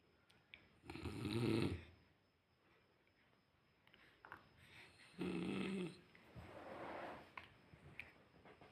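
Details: Snoring: two rough snores about four seconds apart, roughly 15 breaths a minute, with quiet gaps and soft room noise between them.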